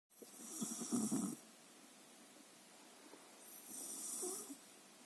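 Two breathy, rattling breaths with a hissy edge can be heard: snoring from a sleeping pet.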